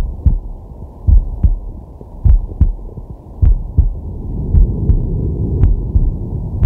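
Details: Male, relaxing at rest, digital stethoscope on the chest: steady two-part heartbeat, about 50–60 a minute, with soft deep breathing underneath; normal heart sounds.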